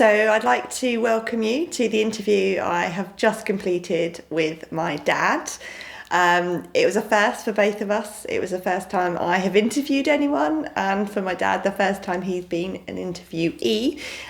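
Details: Adult woman speaking; typical speech.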